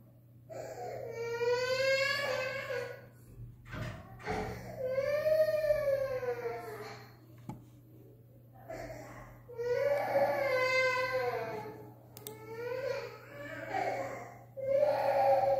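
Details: Young child left to cry as a discipline approach: long, wailing crying bursts separated by pauses and small sobbing sounds.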